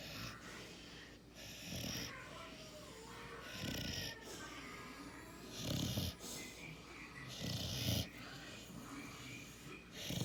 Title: Puppy snoring and won’t wake up